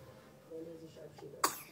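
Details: Quiet room sounds while a girl plays with toys and tries to roll over, then one sudden sharp burst of air, a single sneeze.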